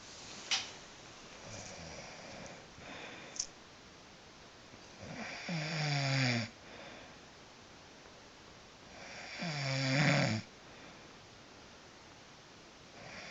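Loud, low, vibrating snores on each breath in, about four seconds apart, with quiet breathing between them.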